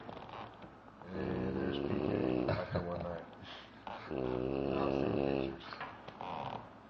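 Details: Two long, loud, buzzing rattles on breaths in, separated by quieter breathing: heavy snoring.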